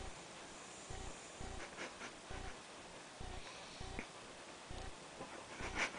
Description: Benji the boxer puppy snoring. He is 6 months old in this video